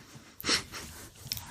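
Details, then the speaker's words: Adult man's single sharp, high-pitched, yappy sneeze, which he likens to a Yorkshire Terrier and says is how he always sneezes; an ordinary sneeze. "Apologies if we decide to keep that in and I sound like a Yorkshire Terrier. That's how I sneeze."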